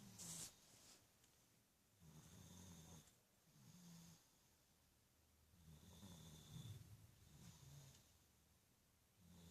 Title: Sleeping/Snoring After Car Ride